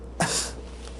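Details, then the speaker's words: Doctor imitating a patient during a cranial nerve examination teaching: one short acted choking cough, as in bulbar weakness suggestive of motor neuron disease; simulated. "Excuse me, doctor. Because they're choking and they're often carrying a handkerchief or a Kleenex in their hand."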